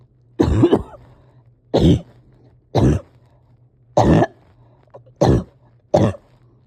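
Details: Cough with breathing difficulty in a person struggling to rest or get comfortable: six harsh, deep coughs at irregular intervals over a low background hum.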